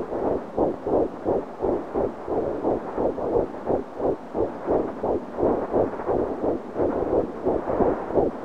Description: Heartbeat of a baby at 11 weeks